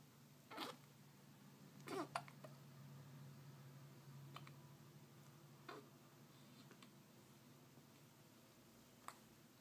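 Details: Sleeping baby with hiccups: brief, sharp catch sounds recurring every couple of seconds.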